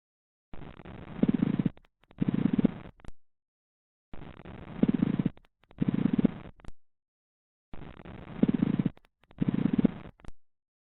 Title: Pleural Friction Rub Lung Sounds | Adventitious Respiratory Sounds #respiratorydiseases